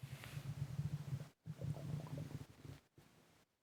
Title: Heavy breathing and stomach gurgling